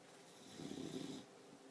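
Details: 4-month-old Boxer puppy snoring while asleep, not on a blanket: one brief rumbling snore about half a second long, rising and fading over quiet room noise; ordinary dog snoring.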